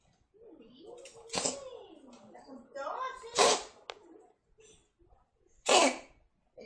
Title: Toby coughing on a hairball